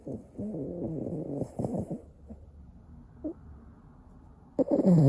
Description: Bolt the Boston terrier is fast asleep snoring.